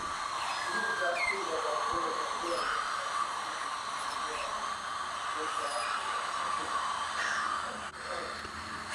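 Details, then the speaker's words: Steady high-pitched whine of a high-speed dental drill doing occlusal reduction and pulp chamber access with a KS1 bur on nonvital upper right teeth 16 and 15, the 16 with a large periapical lesion, for root canal treatment. "just doing the accusal reduction so that we get as close to the pulp chamber as we can and then we'll do our um our access our pulp chamber access with a ks1 bur opening it up on the six and on the five"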